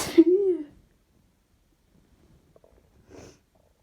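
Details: Sneeze attack: single loud sneeze with a drawn-out voiced cry, followed by faint breathing and a small second burst; belly noises may also be heard.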